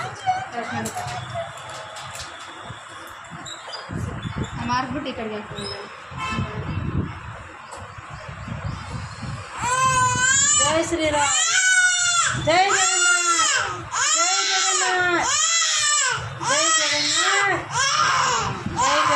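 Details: Two-month-old baby girl crying in pain during ear piercing: loud, high, repeated wailing cries after a noisy stretch of adult voices and chanting.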